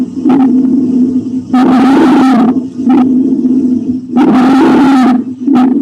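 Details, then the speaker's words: Stridor: loud, harsh, low-pitched tonal noise with each breath, about 23 a minute, described as a louder, coarser variant of rhonchi from tracheal obstruction. "o estridor ou a cornagem como eu falei para vocês é como se fosse uma variante do Congo só que agora é algo mais alto Ainda mais grosso obstrução mais grossa obstrução da Tracker imagina só"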